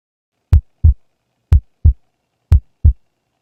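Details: Normal heart sounds in a cardiac auscultation teaching demonstration: clean, regular paired lub-dub first and second heart sounds at about 60 beats a minute with no extra sounds.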